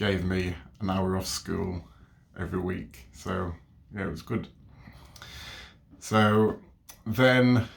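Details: Adult man with overt and covert stammering since age three, who attended speech therapy from ages 3 to 12; stammering.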